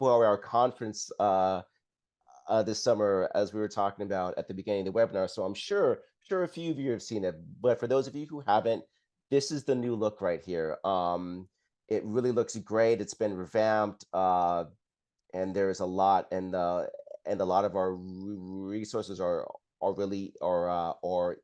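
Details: Adult man who stutters, describing his own stuttering as blocks and repetitions, speaking in a live webinar; repeats words and phrases in this stretch; stuttering.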